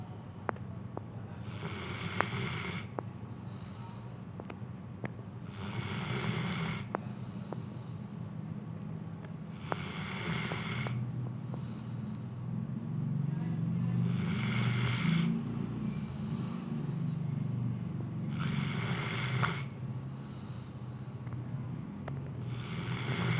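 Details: Sleeping dog snoring in a steady rhythm, about 15 breaths a minute, over a low background hum.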